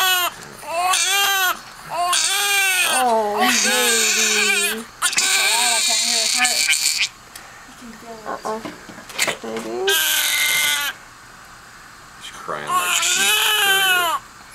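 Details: Newborn baby boy's first cry minutes after birth, following about three minutes of pushing: loud, high-pitched, vigorous bursts of crying with brief pauses between them.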